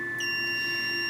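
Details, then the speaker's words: Venus Viva skin-rejuvenation handpiece on the face, held in full contact with medium pressure: steady high electronic tones signal that each energy pulse is complete. "you'll notice the light on the candy felt light up and tells me when it's complete but the sound also tells me when the pulse is complete"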